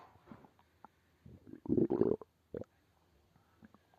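Short gurgling growls in bursts, one louder rumble in the middle: ordinary stomach growling, a normal bowel sound.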